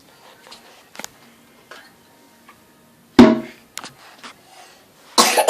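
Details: A child gives two short, forceful coughs in a quiet room, with faint knocks and rustling between.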